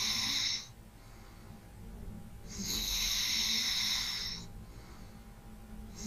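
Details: ASMR relaxation recording of slow, light breathing with a long airy, rasping breath of about two seconds and a quieter breath between; light snoring.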